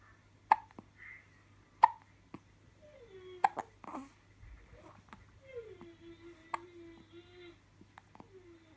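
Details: Two-day-old newborn with hiccups: sharp, brief hiccup bursts recurring irregularly in a quiet room, mixed with soft infant grunts and murmurs.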